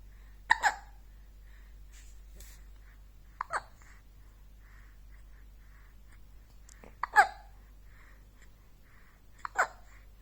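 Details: Four short, abrupt hiccup sounds about every two to three seconds over quiet room noise; uncertain whether hiccups or pushing to pass stool.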